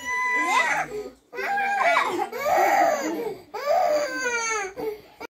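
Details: A young child crying in loud wailing bursts with brief pauses for breath in a small room.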